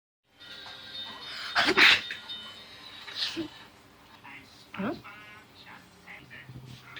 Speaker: are you gonna say anything like i just sneezed do you not care about my health